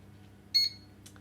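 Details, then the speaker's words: Single short high-pitched electronic beep as the humidifier switches on, pressing the bottom right button, while setting up a V60 wet circuit for nasal high flow or CPAP. "once you've set up your wet circuit you need to turn your humidifier on so if you press the bottom right hand button"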